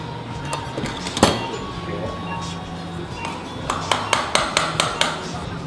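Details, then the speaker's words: Surgical mallet sharp metallic taps driving a trial implant into the L5/S1 disc space to size an artificial disc (Synthes ProDisc-L) during lumbar disc replacement via retroperitoneal approach in a 35-year-old man with disc herniation; music and room noise. "the the trial is tapped into position to get the uh size for the appropriate size artificial disc"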